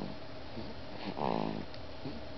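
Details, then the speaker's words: Daughter snoring like her father: a single short rattling snore over steady low room hum; ordinary snoring. "She is her daddy's daughter She snores like her Daddy too much"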